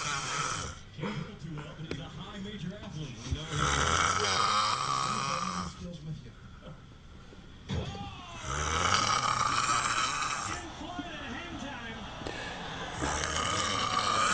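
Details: A drunk college student snoring heavily: loud, long, rasping snores repeating every four to five seconds, each a noisy rattle through the airway during sleep.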